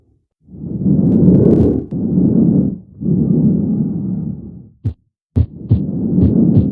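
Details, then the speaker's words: Simulated stethoscope (VR patient simulation) with the diaphragm on the front chest wall: long rushing breath sounds with faint heart thumps, no named abnormality. "when you select the stethoscope the cursor becomes the diaphragm move it to an area of the chest wall to hear the lung sounds and heart"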